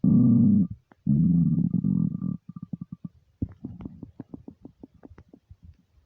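Loud, long gurgling rumbles breaking into rapid bubbling pops; hunger growling of an empty stomach, normal.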